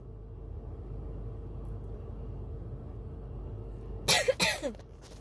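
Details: Coughing fit recorded in a car: steady engine rumble, then harsh, forceful coughs with catching breaths, starting from a tickle in the throat, short of breath; patting chest, drinking water, inhaler used near the end didn't stop the cough.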